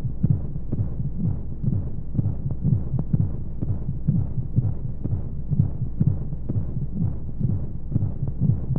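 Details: Womb-sound sleep aid for babies: steady low double heartbeat thumps at roughly 60 a minute over a soft whooshing white-noise hum, made for lulling babies to sleep; heartbeat.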